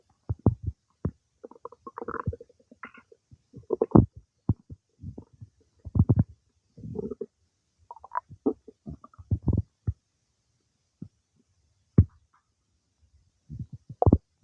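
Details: Some time after eating cake, irregular gurgles, squelches and low rumbles come from the abdomen: ordinary active bowel sounds (borborygmi) during digestion.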